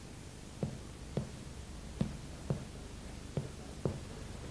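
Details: Teaching recording on respiratory examination: dull percussion note.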